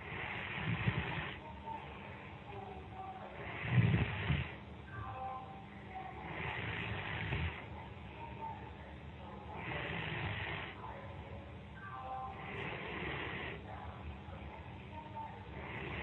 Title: Friend falls asleep during skype call. Recorded snoring